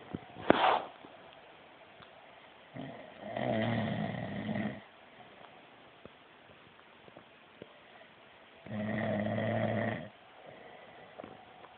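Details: Snoring person asleep: two long, rough, rattling breath noises about six seconds apart with quiet between them; snoring.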